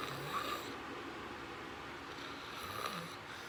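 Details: Person sleeping and snoring loudly during REM sleep, recorded as a sleep video; snoring.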